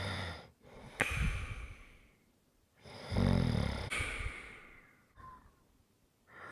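Two loud, rough, rattling breaths with softer breathing between them, typical of snoring during sleep.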